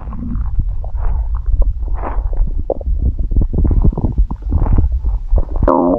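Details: Deep, steady rumbling with irregular gurgles and squelches, recorded close up: stomach growling (borborygmi), a normal bowel sound.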